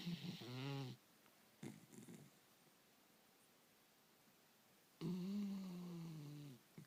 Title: Snoring puppy